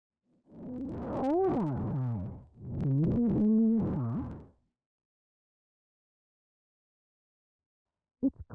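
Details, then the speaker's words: Simulated severe auditory neuropathy spectrum disorder (sensorineural hearing loss) hearing in a child: the sentence "it's cold outside, can you please bring me your socks" so smeared it becomes a warbling, unintelligible hum; demonstration only. "you will hear a sentence repeated four times the first sentence as an example of how severely distorted speech may sound"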